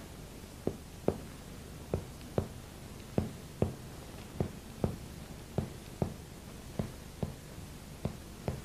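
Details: Spinal percussion (resonant to dull).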